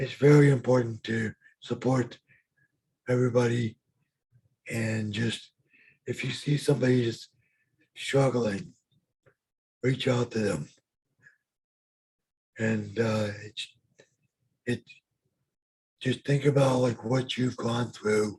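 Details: Adult man with lifelong bilateral severe hearing loss and mild cerebral palsy; speech of a person with severe hearing loss.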